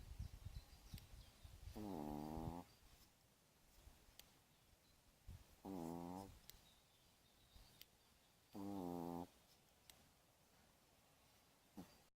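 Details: Pomeranian dog sleeping during a manicure, snoring: three slow, buzzy, tonal breaths a few seconds apart over quiet room noise.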